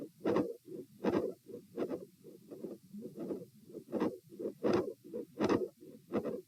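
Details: Auscultation stress test at position A with the subject sitting: regular heartbeat near 75 a minute with a mid-systolic click and a split S2.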